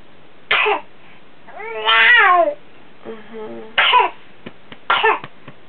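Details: Child's coughing episode recorded for the doctor: three harsh coughs broken by a long, drawn-out vocal sound, then urged to spit it out; whooping cough suspected but undiagnosable after antibiotics given for pneumonia.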